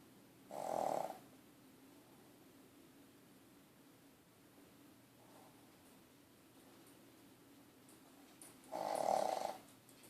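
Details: Dog sleeping in his crate: two short, buzzing snores about eight seconds apart over a steady low background hum; snoring.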